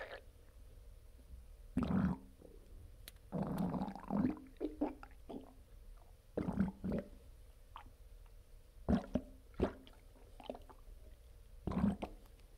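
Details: Loud gurgling and rumbling bursts of stomach growling, some unusual, recorded right after a bowel movement: borborygmi.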